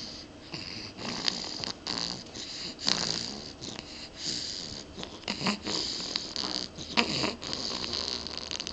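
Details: Irregular, hissing, snorting snoring breath noises with a fluttering quality during sleep.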